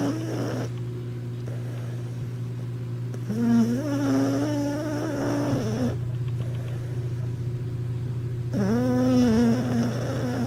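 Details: Steady low hum with drawn-out, whining, nasal breathing sounds from a dog apparently dreaming in its sleep on its first day of sniffing-dog training: likely snoring.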